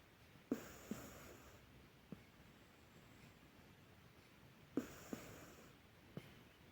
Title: Cat snoring and sleeping deeply harmonious sounds 💚🌙🐾❤️🔊💛